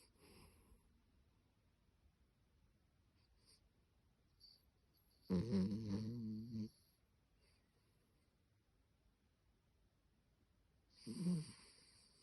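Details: Maltipoo dog asleep in a quiet room, two low, rattling snores about six seconds apart, one longer and louder than the other: snoring.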